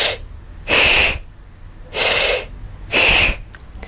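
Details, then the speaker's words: Demonstrated normal tracheal breath sounds, heard over the trachea in the neck: loud, harsh, hissing full inspiration, a gap, then full expiration, the harshest and loudest normal breath sounds. "finally traille breath sounds these are the harshest and loudest sounds that you hear and they are heard mainly in the neck over the main tracha and they're characterized by a louder harsher sound of full inspiration a gap and then full expiration so it sounds a bit like this"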